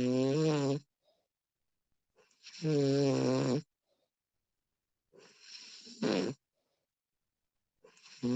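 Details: Recording of a woman snoring during sleep: loud rattling snores on the in-breath with quieter breathing between, about 20 breaths per minute; snoring.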